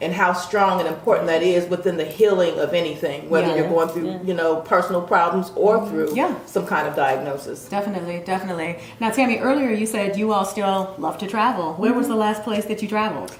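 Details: Adult woman speaking; no disorder.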